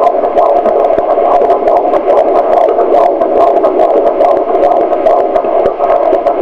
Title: Our Baby's Heartbeat at 16 weeks